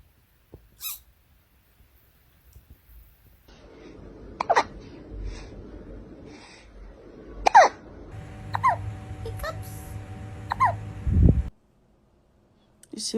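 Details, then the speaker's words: Cat with hiccups after eating too fast: brief, abrupt squeaky catches recurring irregularly, about 20 a minute, over soft room noise. "You ate too fast. Do you have the hiccups? Oh, baby."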